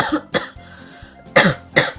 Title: The coughs you didn't see (and the erms)